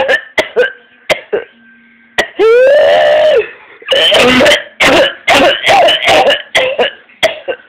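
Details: A 14-year-old has paroxysmal coughing so severe they vomit, turn blue or red, and faint: runs of sharp coughs broken by a long, high-pitched, crowing inspiratory whoop, then more rapid coughs.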